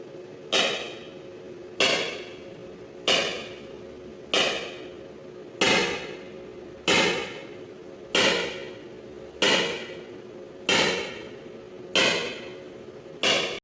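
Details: Extracorporeal shock wave lithotripsy (ESWL) of a left kidney stone, targeted by C-arm fluoroscopy through a fluid-filled membrane: regular loud knocking shock waves about 47 a minute, as if something is breaking.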